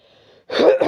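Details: A child gives a single short, abrupt cough after a brief quiet moment while answering questions.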